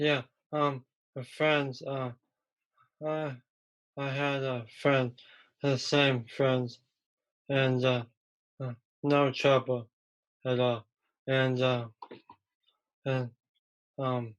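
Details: Expressive (non-fluent) aphasia in a young male about 3 years after a stroke from a ruptured arteriovenous malformation at age 15 that caused a coma; a problem getting words out rather than understanding.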